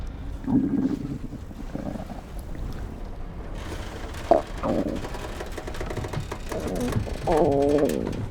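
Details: Acted film scene (movie "Nowhere", 2023) of a character's stomach growling: low gurgling rumbles ending in a long, wavering growl over steady background noise, borborygmi.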